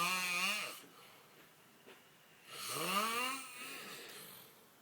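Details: Adult man snoring: two loud, tonal snores that rise and fall, with a whistling quality on the breath and a quiet pause between them.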